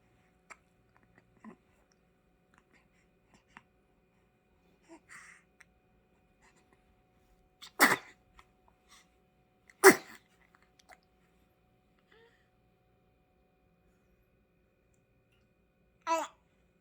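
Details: Soft hiccups from a newborn that began after a diaper change, then two sharp sneezes and a brief fussy cry; ordinary newborn hiccups and sneezing.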